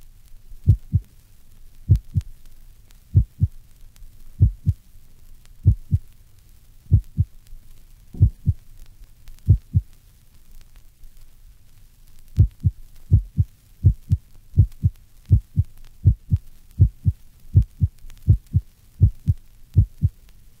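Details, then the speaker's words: Normal heart sounds, first sound best at the apex and lower-pitched and longer than the second, compared at a heart rate of 40 and then 80 per minute. "the first heart sound is heard best at the Apex this sound is lower in pitch and longer than the second heart sound compare these normal sounds with a heart rate at 40 and then again at 80 per minute"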